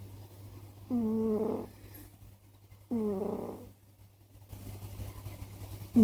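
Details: Sleeping Scottish Fold cat snoring heavily: loud, rough snoring breaths about every two seconds over a steady low hum.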